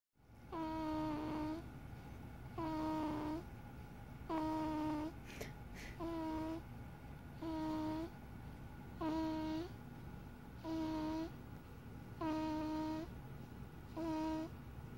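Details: Sleeping baby girl, a loud sleeper: regular voiced, squeaky snoring sounds on each breath, about 37 a minute, over quiet room hum; snoring.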